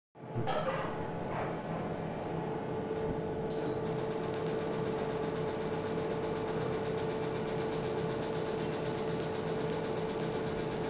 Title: Tattoo removal by fractional Q Switched Nd YAG Laser